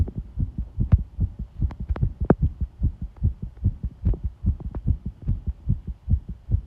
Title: 圧迫心音 pressure heartbeat sound